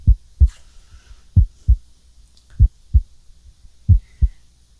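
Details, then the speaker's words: Real-person stethoscope-on-skin heart auscultation of an adult during a physical-exam roleplay, patient breathing normally: steady lub-dub at about 47 beats a minute, no murmurs or abnormal sounds noted; normal heart sounds. "Alright, so just breathe normally for me. I'm just looking for any murmurs, any abnormal sounds. None noted, which is very good."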